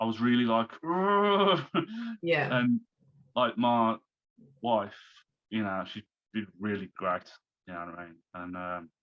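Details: Man who had a stroke at age 33, about three months earlier, and is recovering while still overcoming speech difficulties; post-stroke aphasia.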